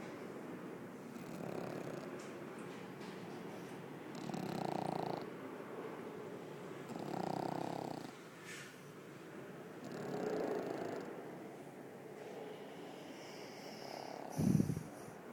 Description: Tootsie loves to snore when she sleeps!